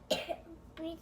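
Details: A young daughter, just woken in the morning, gives a short cough followed by a brief voiced sound in a quiet room.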